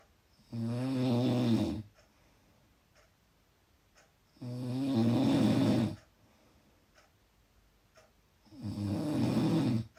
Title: Loud Snoring